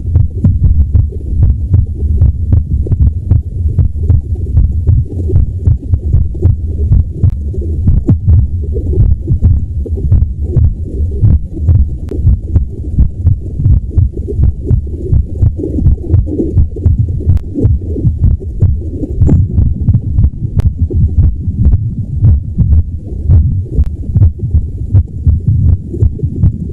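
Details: Self-recorded heartbeat of a woman in her 30s, palliative with MS, who says her heart is irregular. Repeated low heart thumps with uneven spacing between beats; irregular heartbeat.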